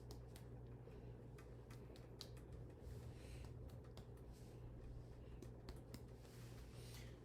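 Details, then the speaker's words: Head-to-toe assessment of an adult man: finger percussion of the abdomen gives sharp, hollow, drum-like tympanic notes throughout all four quadrants, with dullness over the liver; normal finding. "okay um so upon percussion he had tympanic sounds throughout all four quadrants and a dull sound over the liver"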